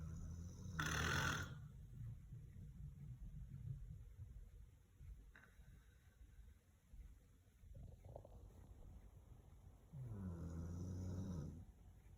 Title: Meet the golden retriever who snores like a human